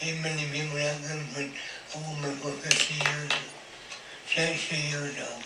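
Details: Elderly married man with lifelong speech impediment from cleft palate, recorded in 2019 after nearly 60 years of marriage; cleft palate speech.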